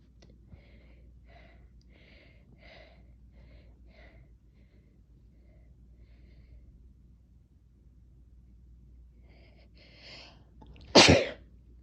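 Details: Sneezing induced with Chhinkni nasal snuff: quiet breathing, a brief catching inhale, then one sharp, explosive sneeze.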